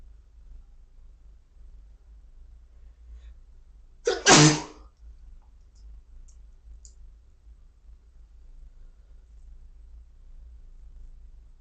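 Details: Induced sneeze: one loud, explosive sneeze in an otherwise quiet room.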